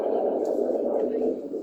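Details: Handheld Doppler with ultrasonic gel during a blood pressure cuff assessment: a steady, low, wind-like whooshing that swells and fades slightly without sharp pulsed beats; venous Doppler signal.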